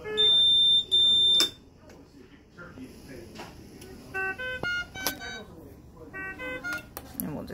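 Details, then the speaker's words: A mechanical ventilator set up with inline aerosol and suction, plugged into the wall but not connected to air or oxygen, sounds its alarm: loud, high-pitched electronic tones, then quieter mixed beeps and tones. "it is not hooked up to air or oxygen so you will hear the vent alarm"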